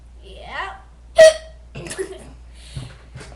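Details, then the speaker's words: Hiccups, said to be usually louder than this: a single sharp, abrupt voiced hiccup amid quiet room noise and faint voices. "hi guys I have the hiccups um they're usually louder than that"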